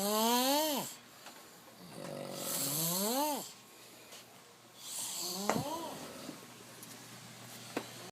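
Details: Adult friends asleep on couches at home, snoring: rising, whistling snores with a buzzing edge, then snorts, repeating every few seconds; noisy snoring.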